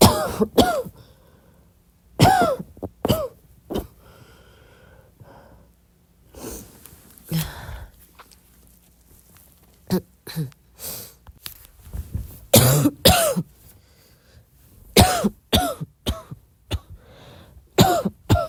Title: midnight soft cough